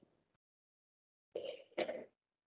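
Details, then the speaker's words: Pet cat gives two short, harsh hacking coughs; owner suspects hair caught in its throat. "Attends, j'ai mon chat qui est en train de me perturber. Petit loup, il est en train de Ah, tousser."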